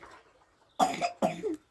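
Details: Cough from an ill young boy given medicine: two short, loose coughs with quiet room noise before them.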